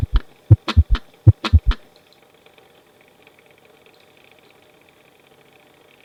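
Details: S3 gallop in a pediatric heart sounds lecture, noted as best heard with the patient lying on the left side. Two heartbeats with a triple rhythm: a soft, low extra sound just after the second sound.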